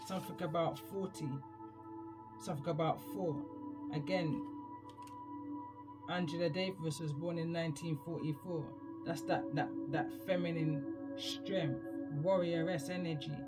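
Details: Speaker describes own stammer, attributed to past traumas; stuttering.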